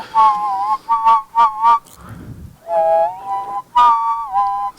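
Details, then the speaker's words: Whistled, flute-like notes with a faint floating second "ghost note", an adult man's imitation of tinnitus in his left ear after a tour; possibly from flying while congested, or permanent hearing damage feared. "I heard this ghost note there mhm and that's what I'm hearing in my so it's kind of like a floating additional yeah that's what I'm hearing in my left ear"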